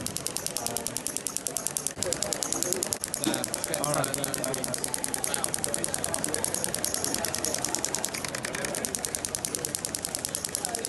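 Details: Rapid sharp ticking pulses about two a second with quiet talk: a Storz Medical radial shockwave device with knuckle transmitter at 1.3 energy, treating an Olympian's tight shoulder fascia and trigger points to improve range of motion.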